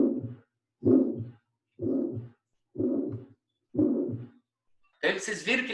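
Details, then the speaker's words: Aortic stenosis, systolic ejection diamond-shaped (crescendo-decrescendo) murmur: harsh rough whooshing bursts about 64 a minute. "tá então ele é um sopro sistólico ejetivo em diamante é assim tem que anotar bem seco mesmo"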